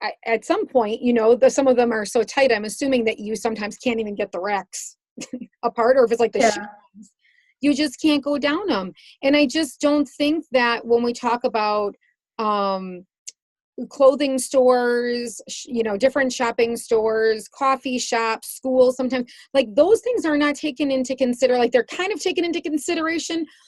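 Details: Adult woman speaking; typical speech.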